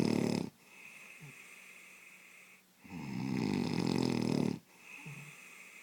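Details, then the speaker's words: Loud snoring: rough, rattling snores on the in-breaths, two long ones a few seconds apart, with quieter breathing sounds between them. "Who the hell can sleep to that? Bloody hell."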